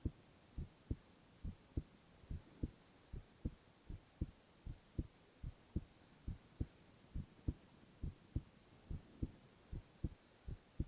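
Steady lub-dub heartbeat at about 69 beats a minute with a regular rhythm and no extra sounds. Normal heart sounds.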